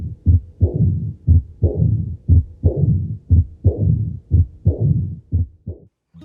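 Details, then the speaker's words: Austin Flint murmur, best heard at the mitral area with the stethoscope bell: regular heartbeat near 59/min, low-intensity mid-diastolic rumble building in intensity toward the next beat like mitral stenosis, but no opening snap. "Este sería un soplo de Austin-Flynn, el cual se ausculta mejor en el foco mitral y con la campana del fonendoscopio."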